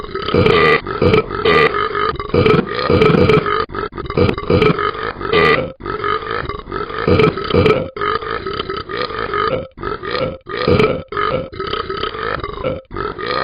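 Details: Animated Talking Ben the Dog app character, not a real animal: a long run of loud, drawn-out guttural belches, one after another with short gaps; repeated burping.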